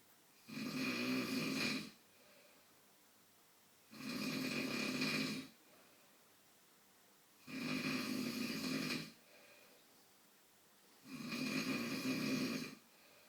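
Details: Father snoring during sleep: four loud, rasping snores on regular breaths, about 17 per minute, with quiet gaps between.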